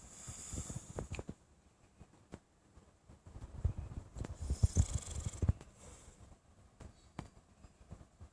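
Irregular low rumbling snorts and throaty breathing noises in a quiet room, fitting snoring.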